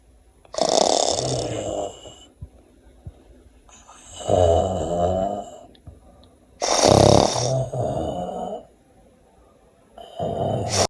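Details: Person sleeping after saying good night: loud, harsh, irregular snores with rattling inhalations and breathy exhalations, about 4 breaths in 11 seconds; snoring.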